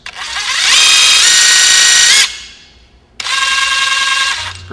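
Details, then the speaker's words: PowerFloat motorized equine dental float with a guarded 45-degree reverse-cone burr, used to float sharp enamel points off the outer upper and inner lower arcades. A high-pitched whining motor runs twice, speed rising and then cutting off. "this burr is only used for floating the sharp enamel points off the outside of the upper arcades and the inside of the lowers is very fast and it fits very tight against the teeth"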